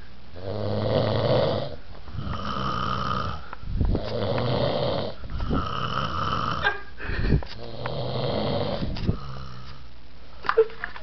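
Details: Heavy snoring in a snoring battle between friends: loud, low, rumbling snores in repeated breaths, with snorting catches between some.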